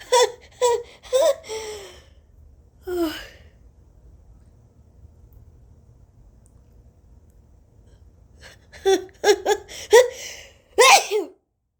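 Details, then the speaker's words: Sneezes forced by tickling the nostril with a rolled tissue tip after turmeric, eyes watering: quick gasping in-breaths with a vocal catch building up, then a sharp explosive sneeze; two sneezes. "okay got two sneezes we're going to try this nostril now"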